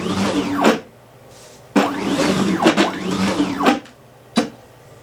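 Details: Repeated bursts of rising and falling motor whine with clicks between strokes from a prototype emergency ventilator, with a motor-driven rack-and-gear piston pump and one-way valves, cycling: a prototype piston-pump ventilator running.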